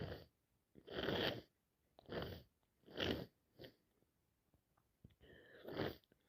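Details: Head cold caught from a boss: a run of about five explosive sneezes with sniffs between them in a quiet room; continuous sneezing and sniffing.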